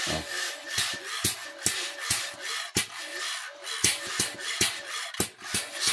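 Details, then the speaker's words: 25-year-old Medela Dominant 50 suction machine tested open after pump bearing replacement: steady, rhythmic, rasping pumping noise from the motor running smoothly, with the earlier knocking gone; suction machine pump running. "So i-testing lang natin habang hindi pa nakasarado para malaman natin kung wala na ba yung sobrang ingay na motor. So testing natin [sumisingasing] an guys. So wala na yung lumalagatok."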